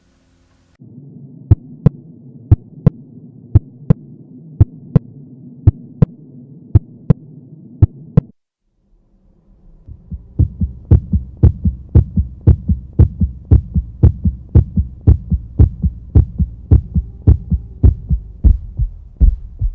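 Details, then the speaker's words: Normal heart sounds (S1 and S2): regular paired lub-dub beats over a steady low hum. The second sound, from closure of the pulmonary and aortic valves, is heard best at the base over the pulmonary and aortic foci and is shorter and higher-pitched than the first. "normalmente este ruido se describe como un es más corto y más agudo que el primero"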